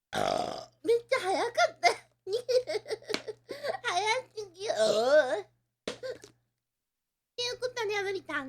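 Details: Japanese girl burping: long, loud voiced burps in a rapid series with short pauses between them.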